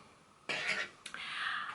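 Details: A short, rough throat-clearing burst and breathy exhale from an adult woman with a tickly cough and a "frog in her throat" that worsens as she talks, then speech resumes.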